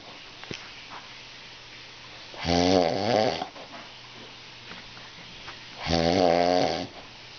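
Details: Two loud, rough, buzzing snores about three seconds apart, replayed from a television advertisement; snoring.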